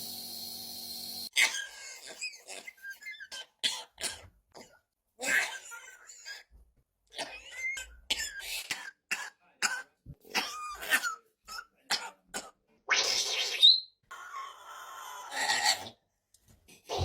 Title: Meany parrot mimics man's cough 🦜🤭 | INCREDIBLE TAILS